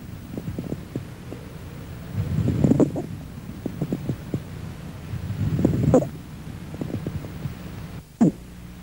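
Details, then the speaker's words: Lung auscultation in allergic alveolitis, breaths with crackles ending in brief squeaky notes late in inspiration, likened to a bird's chirp, of diagnostic value: squawk. "y repito es fácil de identificar por que remeda perfectamente a un gran nido escúchelo a continuación"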